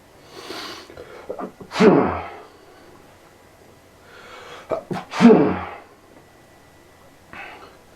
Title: AWFUL ALLERGIES KICKING IN AGAIN WITH SICKENING SNEEZES!!!!!